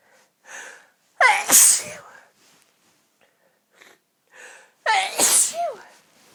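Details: Sneezing fit ongoing about ten minutes with big build-ups: two forceful, explosive sneezes, each preceded by a quick inward breath, coming close together.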